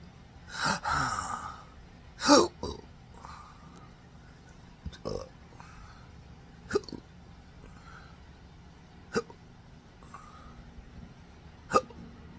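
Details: Adult with rare condition since December 2015 after surgery causing multiple nerve damage (pudendal, phrenic, vagus nerves affected, diaphragm contracting involuntarily): sharp abrupt hiccup bursts at irregular intervals with louder gasps early on; intractable hiccups.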